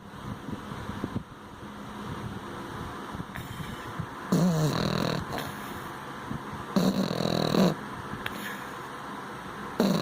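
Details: Sleeping pug snoring: rough, rattling snore bursts repeating over soft background noise.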